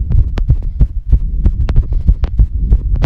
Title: fast female heartbeat with heavy breathing